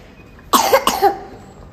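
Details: Cough from a young child with a cold: two loud, abrupt coughs close together, with faint room noise.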